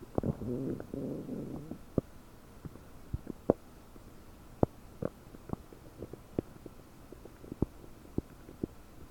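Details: Gurgling abdomen about 9 hours after eating 30 prunes, recorded with a desktop microphone, feeling very bubbly and bloated: a gurgling rumble, then scattered sharp pops and bubbly clicks, i.e. loud, active borborygmi.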